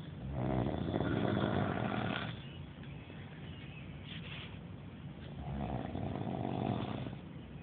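Loud, coarse rattling breath sounds recurring in long cycles, typical of heavy snoring.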